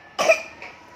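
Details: A child with a fever gives a single sharp cough followed by a faint trailing exhale, in a quiet room.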